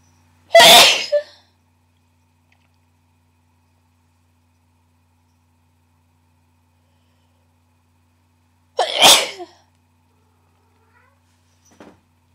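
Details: Deliberately induced sneezes from a person who is not allergic, with a kitten in the background: two loud, harsh, explosive sneezes about eight seconds apart in a quiet room. Sneezing.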